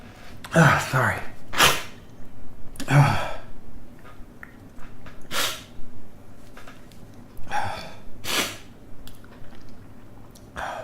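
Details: Repeated sneezing, some full bursts and some short muffled stifled sneezes, with sniffs and breaths between; sneezes partly induced with a closed tag-like object, as stifling alone works poorly.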